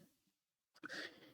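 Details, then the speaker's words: An adult woman with a mild cough gives a short, abrupt cough to clear her throat after a brief quiet pause. "excuse me a minute as you can hear I've got a bit of a cough so let me get that out of my throat"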